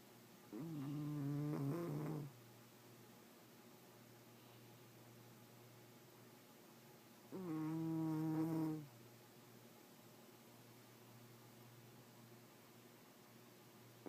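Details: Sleeping cat that snores all the time: two soft, tonal snoring breaths several seconds apart, with a quiet room hum between them.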